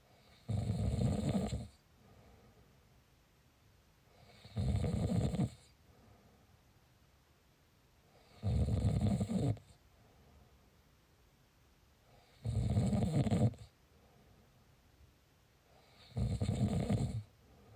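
Five low, rattling snores on each breath in, about 15 a minute, with quiet breathing out between them.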